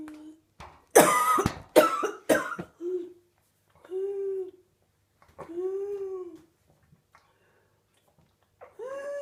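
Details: A 32-year-old woman in week 5 of whooping cough: a quick run of about four harsh coughs, then long, high-pitched whooping in-breaths typical of pertussis.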